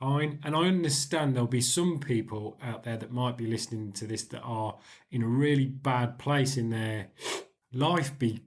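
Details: Stuttering (stammering) in a 40-year-old man, present since about age 4–5. He still has blocks, though fewer and shorter than before the Starfish Project.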